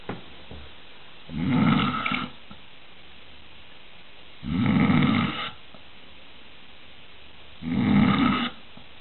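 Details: Someone found asleep on the stairs at 4 am, snoring: three loud, rattling snores about three seconds apart, roughly 19 breaths a minute, with quiet pauses between.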